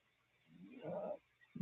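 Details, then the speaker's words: Female dog almost eight months old, asleep: a single loud, low rattling snore on the in-breath in a quiet room, louder than another dog snoring nearby; snoring. "can you hear her snore that's her snoring like Gus is snoring down here but he's quiet compared to her like she's loud"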